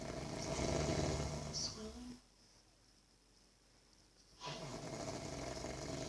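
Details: An adult father snoring heavily while asleep; the snore sounds weird, like farts; snoring.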